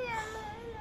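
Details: Baby girl crying: a brief, high-pitched wail, a normal infant cry.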